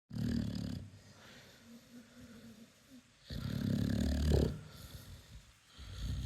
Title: Snoring!! #americanbully #indianbully #dogsnoring #dogtherapy #massage